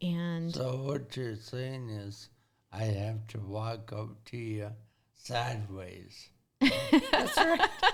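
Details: 40-year-old man with severe traumatic brain injury from a car accident at age 19, affecting thinking, processing time and speaking speed; had to relearn talking and has had speech therapy; acquired speech impairment after traumatic brain injury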